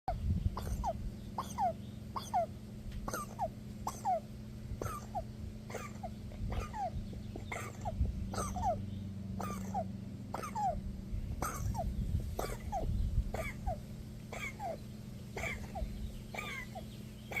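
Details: Wheezing in a dog: repeated squeaky, whistling sounds about every half second over a low steady hum.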